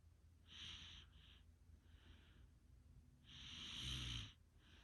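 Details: Snoring during sleep: several noisy, rasping breath sounds with a hissy, fluttering quality.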